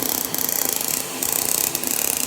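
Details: Rapid, steady mechanical pulsing with a hiss from a HALO hybrid fractional laser (ablative and non-ablative wavelengths) resurfacing a female patient's face for severe acne scars; the patient reports no pain.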